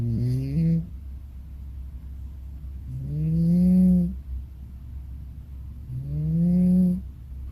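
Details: Cat snoring in sleep: slow rhythmic rising nasal rumbles, about 20 a minute, over steady low background hum.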